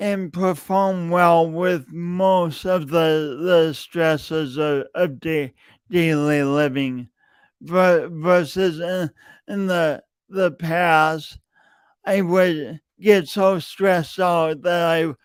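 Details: Real, self-reported speech impediment in an adult male, present for years and heard whenever he speaks; speech impediment with stuttering-like disfluencies.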